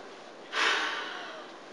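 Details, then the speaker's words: Role-played respiratory care training: a patient repeats a peak flow measurement after small volume nebulizer therapy, taking a deep breath and then one hard, fast forced blow into the peak flow meter. "so what I want you to do again will be to put this in your mouth taking a great big deep breath and blasting out real hard and"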